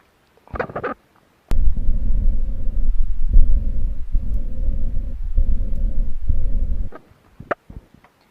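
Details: A heart patient's recorded heartbeat: low heart sounds with a continuous whooshing, rubbing noise filling the gaps between beats; a heart murmur.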